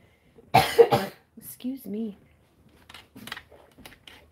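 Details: Two quick, harsh cough bursts back to back, then soft voiced sounds and quiet speech, from a person on an allergy pill who worries about wheezing: cough.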